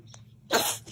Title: Babies Sneezing Funny #14 Funny Babies Video #shorts